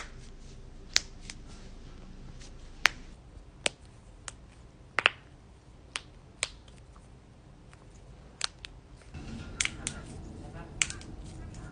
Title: cracking knuckles #shorts